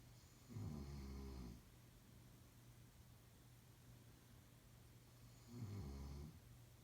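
Two deep, vibrating snores several seconds apart, with quiet breathing between them in a still room.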